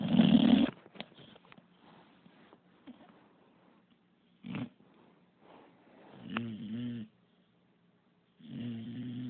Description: Pup.. an english bulldog who snores.. 24/7